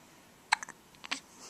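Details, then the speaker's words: Hiccups recorded on a Flip Video camcorder: two brief, abrupt clicking gulps about half a second apart in a quiet room, typical of hiccups. "He does have the hiccups. You have the hiccups. Do you have the hiccups?"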